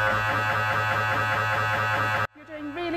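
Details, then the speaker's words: Patient lying on the MRI table inside the scanner as the first scan starts: loud, steady mechanical buzzing and hammering that stops abruptly, the normal noise of scanning, loud enough to need hearing protection; MRI scanner noise. "now you'll hear some loud scan noises coming Just checking you can hear me over the intercom"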